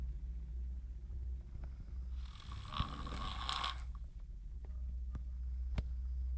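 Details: Single rough, rattling snore over steady low room hum with a few faint clicks; snoring.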